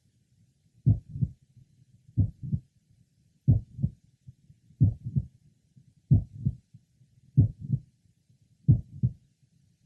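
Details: Young man with mitral valve prolapse, heard again at the apex: slow regular heartbeat with a mid-systolic click and late systolic murmur.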